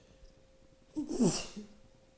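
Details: Person sneezing at home after shopping on a very windy day, part of a strong set of sneezes: a loud sneeze with a short in-breath before it and a sharp hissing burst in a quiet room; sneeze.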